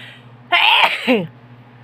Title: induced sneezing.